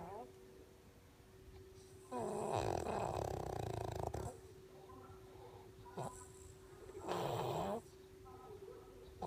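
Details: Snoring during sleep: long, rough, rattling snores on each breath, with a steady hum in the room.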